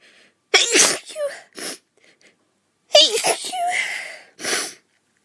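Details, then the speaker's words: Two high-pitched sneezes from an adult who feels run down and says the sneezes are weird at the moment, each with a quick in-breath and a sharp squeaky burst. "so wow my sneezes are weird at the moment"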